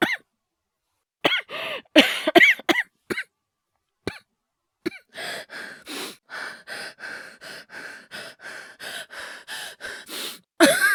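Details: Simulated cough and hyperventilation acted by a male VTuber voice actor, from a cough and asthma voice compilation: a few sharp coughs, a long run of quick rasping gasping breaths, then another cough burst.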